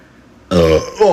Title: Burps Compilation